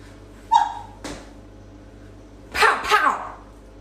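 A short sharp nasal burst, then a double snort-like sneeze in a quiet room; repeated sneezing.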